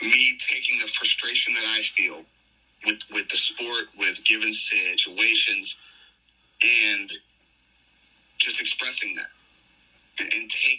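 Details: Stuttering in an adult male pro wrestler with a long-standing stutter that made him nervous about speaking; he says it disappears during promos; unscripted podcast interview speech.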